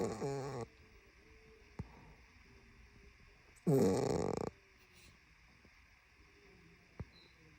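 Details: A father snoring: two loud, rattling snoring bursts several seconds apart with quiet breathing between; snoring.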